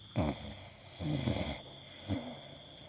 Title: Beagle snore